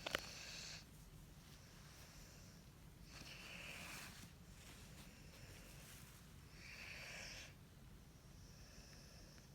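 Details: Soft, airy snoring from a sleeping Cane Corso dog, slow regular breaths about one every three to four seconds.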